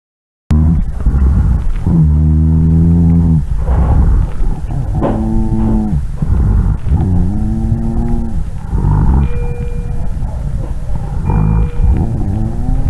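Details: Recorded for a breath-sound test in which each item was identified by sound alone, answer confirmed by several respiratory specialists: low-pitched, continuous snoring-like sounds with each breath; rhonchi, pointing to secretions in the larger airways.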